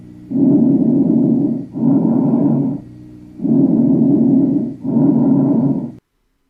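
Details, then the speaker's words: Teaching example of bronchial breathing, normally heard over the larynx and upper trachea: loud, harsh, high-pitched breath sounds in both inspiration and expiration, with a short pause between. "характеристика бронхиального дыхания группы и громкий высокочастотный дыхательный шум похож на звук выслушивается в обе фазы дыхания во время вдоха и выдоха в гортани и в верхней части трахеи"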